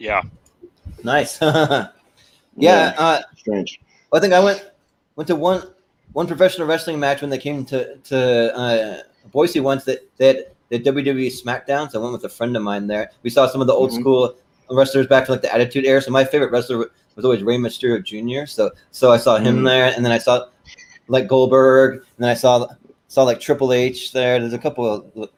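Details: Male podcast host with a stutter present since birth that he says is heard intermittently and occurs when he talks fast; stuttering.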